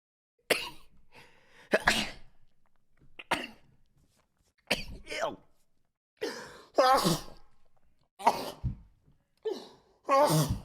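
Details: Male Twitch streamer who says he has allergies, blaming weather changes: eight sharp sneezes in rapid succession, each a burst of air with a voiced catch and brief gaps between.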